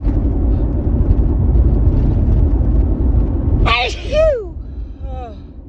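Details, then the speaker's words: Woman sneezing on the drive home, attributed to dust: loud road rumble from a moving car, then a sharp sneeze burst and a short voiced exclamation; she can't stop sneezing. "Oh my god, I can't stop sneezing."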